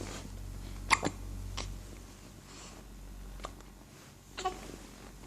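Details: About five short, sudden catching sounds at uneven intervals in a quiet room, from a male; hiccups.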